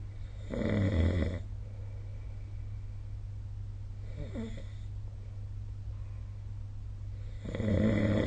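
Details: Rough snores recurring every few seconds, one softer, over a steady low room hum; snoring during sleep recorded with the SnoreLab app.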